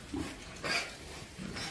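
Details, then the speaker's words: Pneumonia in an about 25 kg young pig with abdominal breathing, in a damp, wet pen: short harsh cough bursts among pen noise; cough from pneumonia. "Rồi heo của mình Nó ho"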